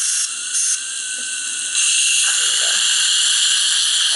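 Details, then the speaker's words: Dental air-water syringe used with air and water buttons pressed together, water started first then air added, to blast stubborn debris off teeth: steady hissing spray growing louder as air joins the water stream. "you can actually use the air and the water button at the same time so usually I'll start with a little bit of water and then I'll add the air"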